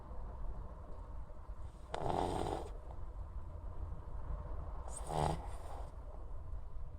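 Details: Pug resting its head on the arm of its favorite chair briefly notices the camera, then falls back asleep and snores: two rasping, snorting snores about three seconds apart over steady background noise.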